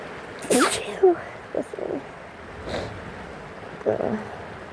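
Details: Person sick with a cold recording rain sounds: sharp sudden sneezes with a gasp before each, over steady rain noise; sneezing.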